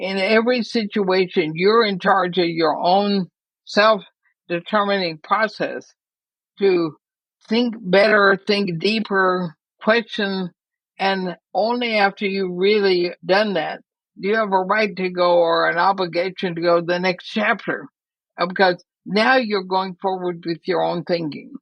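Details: Woman near 80 diagnosed with ALS (Lou Gehrig's disease), who says she already has quite a bit of trouble speaking but is still intelligible; dysarthria (ALS).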